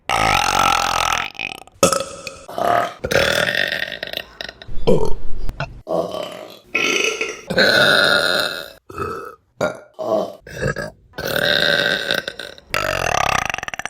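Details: A run of loud, long, low rumbling belches with short gaps between them, from a compilation of burps; repeated burping.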